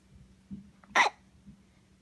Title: When hiccups don't let you sleep